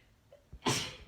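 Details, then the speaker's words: Woman sneezing after inducing it with Chhinkni snuff: a short intake of breath, then one loud, explosive sneeze after a brief held-back pause, finger held under her nose. "Ooh, I have my finger under my nose. Ooh, trying to hold back. Ooh, I'm probably gonna let out like one or two."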